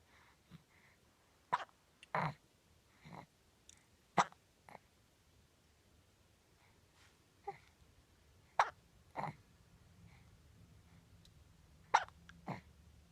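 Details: 4-month-old infant with hiccups daily, usually several times a day: soft, brief, abrupt catches repeating every second or two.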